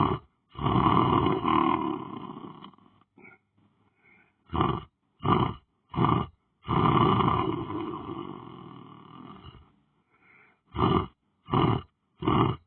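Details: Person lying asleep on the floor: loud, rattling, roaring snores, with long breaths alternating with several shorter bursts in an uneven rhythm. Heavy snoring.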